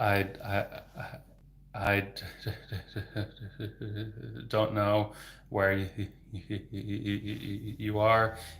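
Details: Adult male speech-language pathologist who has stuttered since about age 8–9, treated with speech therapy from onset; repetitions of sounds, words and phrases and filler words; stuttering.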